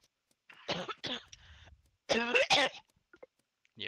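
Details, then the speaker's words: Coughing fit in an adult, described as an asthma attack, the second episode on two nights in a row: several harsh coughing bursts with brief pauses. "Who's an asthma attack? That's twice I've done that now. It's been 2 nights in a row."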